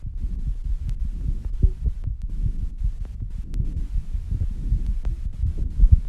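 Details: Rapid heartbeat after rebreathing and squats: fast, muffled heart thumps crowding together in a low rumble, with heavy breathing after exertion.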